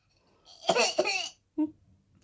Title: Öksürme numarası yapan bebek